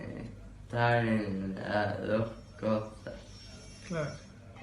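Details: 12-year-old boy with juvenile Batten disease: seizures and myoclonus from age 7, progressive ataxia and articulation difficulty from age 9, cerebral atrophy, and visual impairment; slow, scanning speech, understandable with difficulty; finding: ataxic dysarthria.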